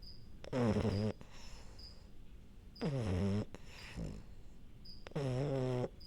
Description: Minty the French bulldog falling asleep and snoring